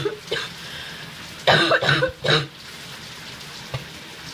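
A few short, wet coughs and throat-clearing over running-water noise, with a hawking sound; a productive cough bringing up phlegm.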